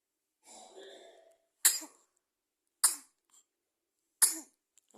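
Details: Baby sneezing: a soft breathy sound followed by three sharp, sudden sneezes about a second apart.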